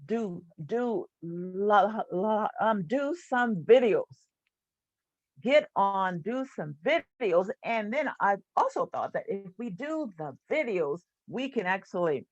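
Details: Stuttering in an adult woman, a stuttering support group leader.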